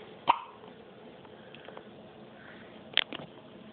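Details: Infant girl with hiccups: two brief, sharp hiccup sounds a few seconds apart in a quiet room.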